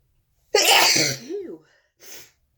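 One forceful, hissing sneeze with a voiced tail, followed by a short sniff. A single sneeze.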